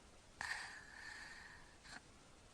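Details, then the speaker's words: Sleeping child with obstructive sleep apnea, with repeated breathing pauses over about three minutes: a quiet pause ends in a sudden sharp snorting inhalation, the recovery breath after an obstructive apnea. "so this has been three minutes and 15 seconds and you can see how many episodes he's had of not getting calm breath in"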